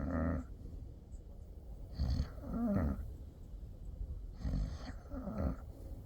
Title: Snoring 11-2024